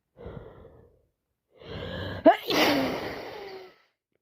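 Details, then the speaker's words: Person outdoors sneezing and blowing nose for the last hour, unsure whether cold or allergies, nose constantly full: quick breath in, short catch, then one forceful wet sneeze with trailing exhale; single sneeze. "whispering outside now I can't stop sneezing blowing my nose blowing my nose sneezing and sneezing don't know if it's cold or allergies"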